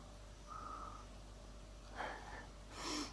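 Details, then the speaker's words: A dog snores, with music in the background: snoring. "mais j'ai mon chien qui ronfle [Musique] vous entendez et à gwen qui ronfle"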